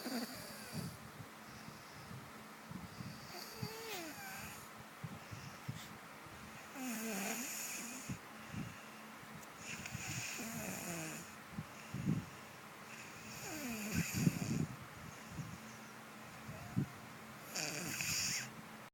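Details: 7-year-old snoring in sleep: rough, rattling breaths with high, whistling snorts recurring every few seconds over room noise.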